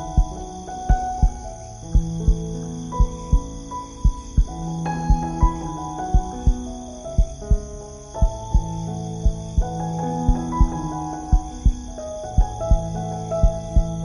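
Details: Heartbeat sound used in piano sleep music: steady regular low thuds at about 57 a minute under soft piano music; slow even heartbeat.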